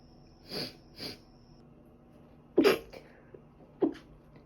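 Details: Sneezing probably from dust allergy, with a recent cold causing ongoing cough and runny nose: two soft then two louder short, sharp sneezes in a quiet room.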